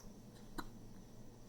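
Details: Child gives one abrupt, sharp hiccup over a low steady room hum.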